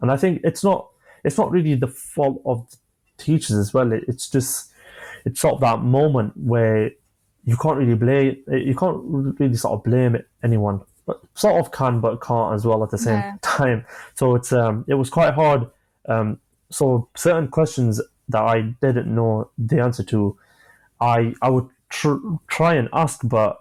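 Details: 25-year-old man who has stammered since early childhood, onset he attributes to an asthma attack; describes blocks and manages them with breathing methods and pauses; stuttering (stammering).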